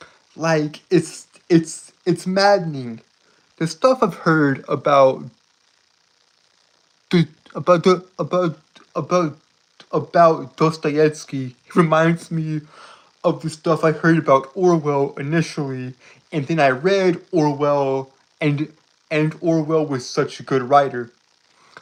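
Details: Adult man, a live streamer, who reports a speech impediment that makes him stutter and trip over his words; stuttering.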